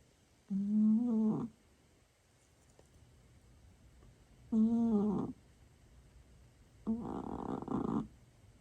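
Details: Sleeping cat snoring: three soft, buzzing snores separated by quiet pauses, about 16 per minute, in a quiet room; snoring reportedly gets louder later.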